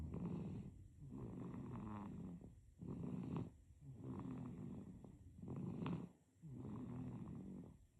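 Soft, rhythmic rattling snore with each breath from a sleeping baby, about three breaths in eight seconds, with faint steady background hiss.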